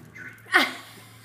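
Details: A single short, sharp sneeze burst in a quiet room with a faint hum, given on cue as the owner asks her to "say please"; sneezing.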